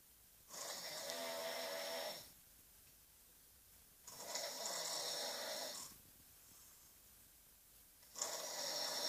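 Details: Noisy snoring: three long, rough, hissing snores about four seconds apart, with quiet breathing between them.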